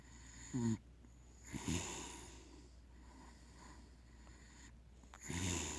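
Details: Pig snoring while asleep: short rough snorting snores recurring every few seconds with quiet gaps; ordinary snoring.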